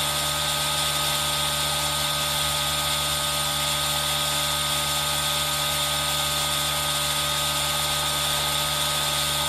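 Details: ASMR recording of a running aerosol nebulizer: a steady whirring hiss with a constant motor hum, mixed with rain sound.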